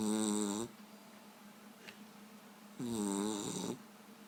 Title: Dog snoring like a wet fart!